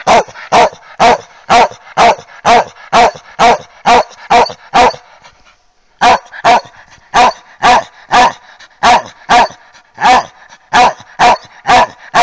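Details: Dog barking with a hoarse voice; hoarse bark.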